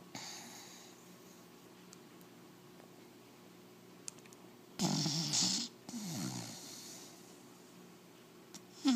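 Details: 4-month-old American Pit Bull Terrier puppy snoring right in the recorder's face: a quiet room, then a short burst of snorting, rattling breaths close to the listener.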